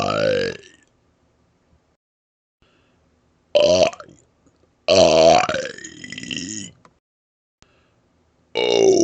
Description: I was asked to make a video burping out the vowels in different ways aiming for deepness, length & loudness.